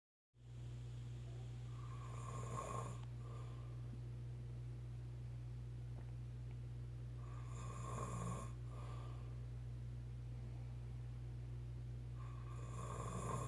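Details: Mild snoring: three rough snores about five seconds apart, roughly 12 a minute, over a steady low hum of room noise.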